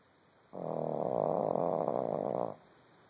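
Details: Small dog napping deeply after a busy day: one steady two-second rattling, fluttering breath sound while asleep; snoring in a sleeping dog.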